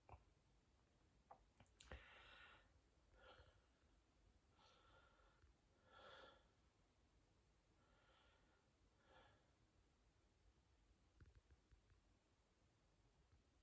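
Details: Hiccups before sleeping in a person who says they are strong today and cut off their breathing; a sharp catch near the start, then about six short, soft breathy bursts a second or two apart.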